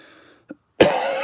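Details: Persistent cough in an adult still recovering from COVID, who reports feeling lethargic, unwell and low on energy.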